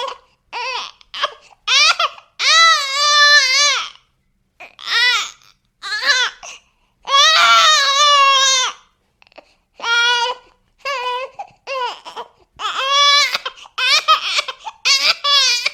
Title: Efecto de Sonido Bebé Llorando / Sound Effect Crying Baby